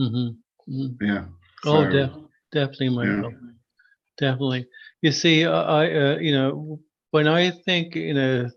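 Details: Adult man who stutters, formerly severe and covert with secondary characteristics: stuttering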